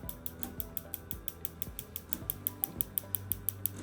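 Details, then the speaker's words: Focused shockwave therapy probe used for erectile dysfunction treatment of the prostate externally and the penile area: soft, quick, very low ticking, about four to five per second, over faint background music. "See, it's like a tick tick tick. Very, very low sound. See, very low sound. So, it doesn't sound like a jackham."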